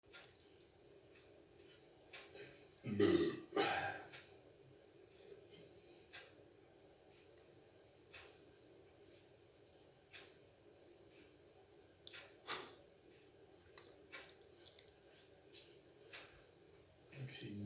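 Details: Commentator burps during a snooker game: one loud, low, gurgling burp in a quiet room, then faint clicks and near-silence.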